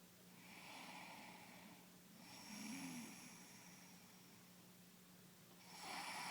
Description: Baby strange snoring